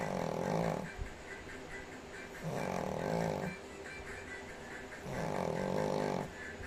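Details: Sleeping Shih Tzu: steady buzzing snores with each breath, roughly 23 breaths a minute; snoring.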